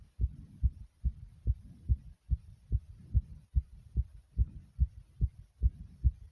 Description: I did a couple of different exercises to make my heart beat this loud and aggressively.